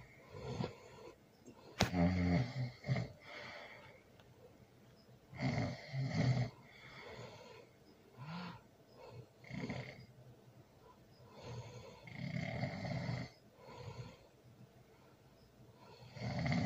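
Low, rough snores recur with each breath in a quiet room, about six cycles, typical of loud snoring during sleep.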